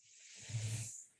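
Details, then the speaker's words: Simulation of tinnitus heard as white noise: a steady rain-like hiss with a brief low rumble. "sería un ruido blanco como si fuera una lluvia y este sería más un tono"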